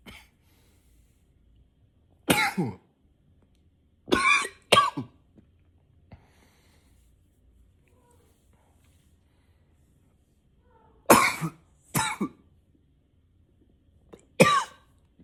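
Six harsh coughs in pairs and singles, separated by quiet pauses, in a quiet room; repeated persistent coughing.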